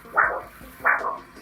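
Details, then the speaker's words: Biphasic arterial flow on handheld Doppler, two phases heard, slightly less healthy than triphasic, still okay but possibly early arterial disease: biphasic arterial Doppler signal. "A bifphasic sound is slightly less healthy."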